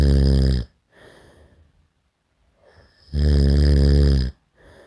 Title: SNORING SOUND EFFECT